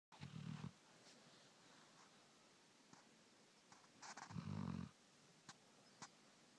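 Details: A sleeping dog snoring: two low rumbling snores about four seconds apart, with faint clicks and room hiss between them.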